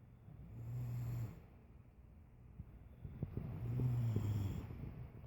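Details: Two people snoring loudly while asleep during a budget overnight stay: two low, rumbling snores separated by a quiet pause, with faint background noise.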